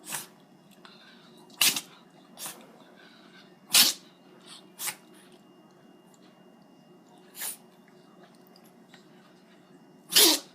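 A run of sharp, hissing sneezes from a dog, about eight bursts over ten seconds, some stronger than others, in a quiet room.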